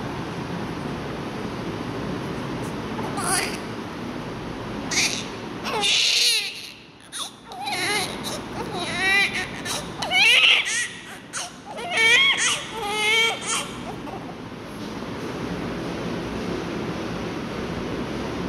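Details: Newborn baby on oxygen crying without tears: short, high-pitched cries and whimpers over a steady room hum, with gaps between bursts.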